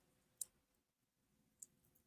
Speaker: Oh, there's a few little snap crackles in there in the spine, right? Oh, it feels so good.